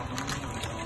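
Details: Brief, steady motor hum with a faint mechanical rattle from a portable suction machine switched on during a product demonstration; portable suction machine running.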